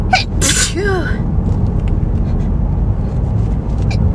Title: Big hayfever sneezes!